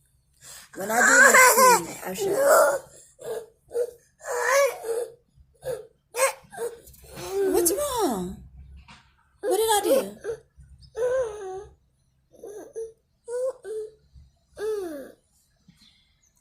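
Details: 4-year-old girl with Pierre Robin sequence, formerly tracheostomized, after tongue-lip adhesion, cleft palate repair and jaw distraction; she never learned tongue movement, speaks only a few words, and produces non-word vocalization with severely limited articulation.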